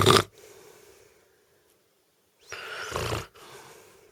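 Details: Wife snoring during sleep: two rough, rattling breath noises separated by quiet.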